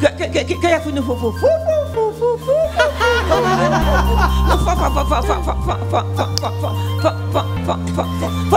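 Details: Adult woman who stutters (gagueira/tartamudez), on a TV show before an attempted hypnosis treatment for her stuttering; finding: stuttering.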